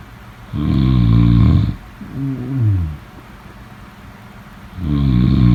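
Deep, rumbling, rattling snores on the breaths in, with quiet gaps between; a sound-effect recording of snoring.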